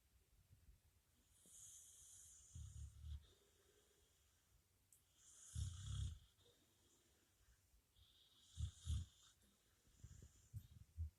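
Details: A sleeping puppy snoring: soft, low, rough snores about every three seconds, roughly 20 a minute, with a faint breathy hiss between them.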